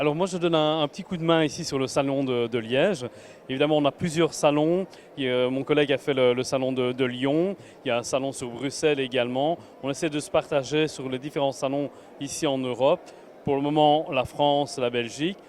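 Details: Adult man speaking French; normal voice.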